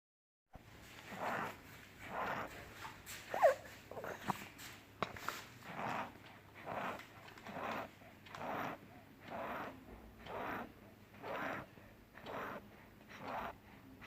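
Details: 3-year-old child with pneumonitis: rapid, noisy breathing near 60 breaths a minute with chest indrawing; crepitations and rales (crackles) heard distinctly, attributed to accumulated mucus and bronchial spasm.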